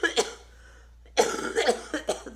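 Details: Two short coughs, a pause, then a run of four or five harsh coughs from a woman with cystic fibrosis who says her lungs are killing her; cough in cystic fibrosis.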